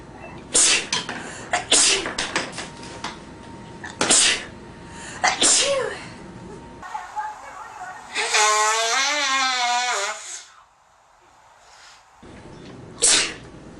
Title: Sneezing and Nose blowing at his best I Part 2